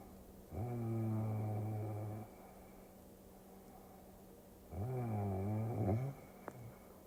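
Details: Snoring during sleep, from a sleep-aid ASMR recording: two long, low, droning breaths with a vibrating rasp, about four seconds apart, over a steady room hum.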